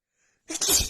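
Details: Female in a non-stop sneezing attack, with a runny nose after an hour outside in cold, snowy weather combined with dust: one forceful, hissing sneeze burst after a moment of silence.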